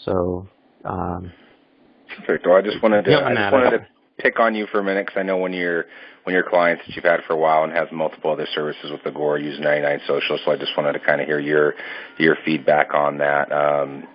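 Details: Adult male speaker over a phone or conference line; normal voice.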